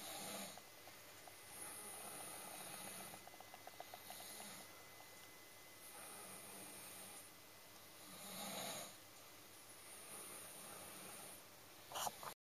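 Steady, rhythmic rasping snores with breathy exhales, about 14 breaths a minute, over faint room hum: dog snoring.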